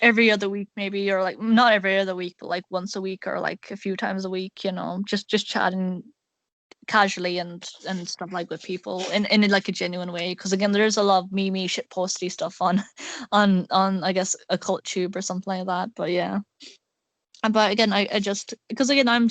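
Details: Male speaker with a self-described awful stutter; stuttering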